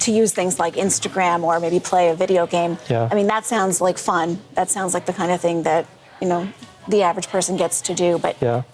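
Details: Adult woman speaking; normal speech.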